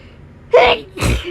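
Two sneezes in quick succession, each a sharp explosive burst after a brief intake, part of a sneezing fit.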